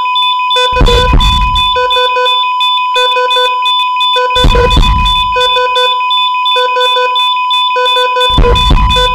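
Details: Cardiac heart rate monitor in an operating theater, stock footage: steady repeated electronic beeps tracking heart rate, with tones layered over deep booming hits.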